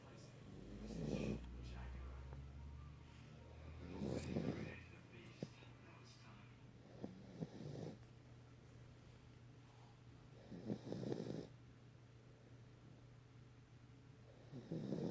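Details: A female dog who snores every time she sleeps gives low, rattling snoring breaths at a steady pace of about 18 a minute; snoring.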